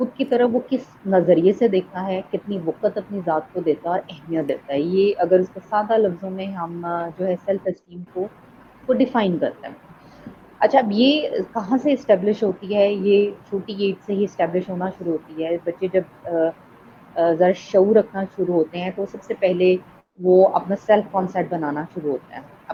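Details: Adult speaker; typical speech.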